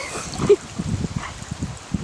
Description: Marty, our giant schnauzer, sneezing when water went up his nose.